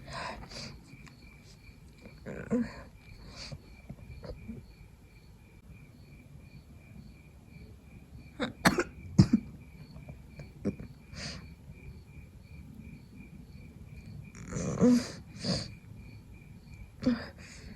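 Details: With a cold, trying to fall asleep at night: a few faint, scattered short coughs and throat sounds over quiet background with insect chirping, amid sneezing and nose blowing.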